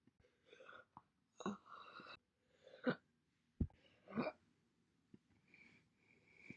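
A series of short, abrupt, separate gulping sounds, each a single hiccup.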